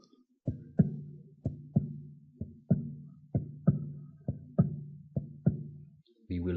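Regular lub-dub heartbeat about 63 a minute, the second sound crisp and slightly louder, heard at the aortic area.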